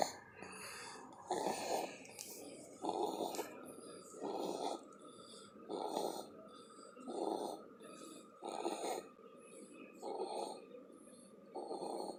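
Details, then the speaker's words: Sleeping baby boy weighing 13 pounds, napping: rhythmic, rough rattling snores, about 40 a minute, over a steady background hum; snoring. "He officially weighs 13 pounds now. And snoring. That mama baby boy."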